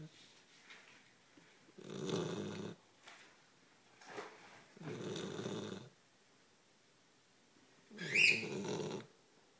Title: Snoring Great Pyrnees